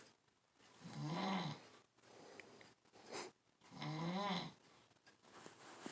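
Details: A sleeping animal snoring: two loud rattling breaths with a lower, quieter sound between them.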